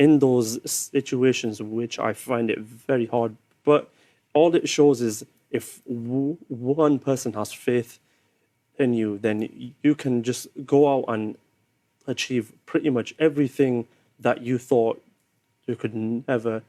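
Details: 25-year-old man who stammers; learnt to cope with his stammer nine years earlier but says speaking is still hard, especially on video calls: stuttering (stammering).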